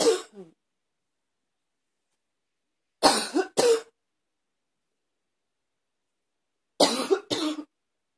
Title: #72 Barky cough